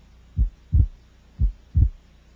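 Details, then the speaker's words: Widely split second heart sound in a child, P2 delayed as in conditions such as right bundle branch block; two slow heart cycles with a broad doubled S2 across inspiration and expiration. "several conditions such as right bundle branch block will increase the separation of A2 and P2 P2 is delayed and the second sound will be widely split"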